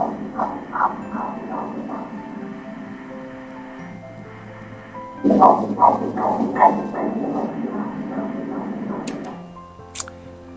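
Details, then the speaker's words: Fetal heartbeat heard during an obstetric ultrasound scan, with the baby immersed in amniotic fluid: rapid, rhythmic whooshing pulses at about 150 a minute, a normal fetal heartbeat. "You're the one who came in now, how sweet it is to hear the baby's heart beating."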